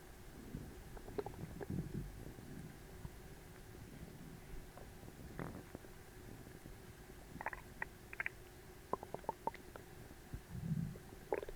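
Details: Low rumbles with scattered gurgles and squeaky pops over steady hiss: loud, active bowel sounds recorded right after an overly large Christmas dinner, the stomach stuffed, tight and aching.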